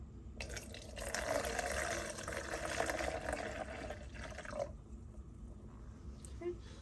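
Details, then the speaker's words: Steady splashing pour of urine for about four seconds, then drips, as a CNA empties a resident's bedpan into a measuring graduate at the measuring station; output measured at 125 milliliters; skills demonstration. "Then we take our bedpan to our measuring station, and we have our graduate. We're going to pour from this end into our graduate, being sure not to spill it."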